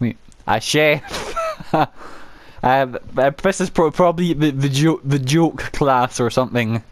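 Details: Adult male gameplay narrator who says he has a stammer he cannot control, particularly on words starting with m and w; part-word and word repetitions audible; stuttering.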